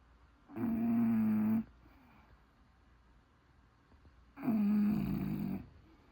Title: The sounds of Snoring Bulldog